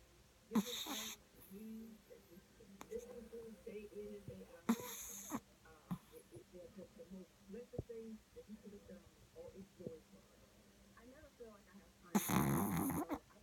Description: A chihuahua that snores louder than most humans!